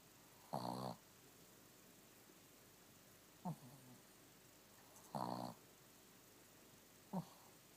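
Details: Female Shih Tzu snoring with her eyes open: short buzzing snores about every 2–3 seconds, alternating louder and softer, in a quiet room.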